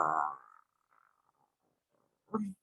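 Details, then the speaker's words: Adult woman vocally imitating her own stomach growling from hunger while on the master cleanse: imitated borborygmi, not a real recording. "and yes, that was my stomach growling. And My stomach was growling because that slightly sludge-filled glass held the remnants of the master cleanse, right?"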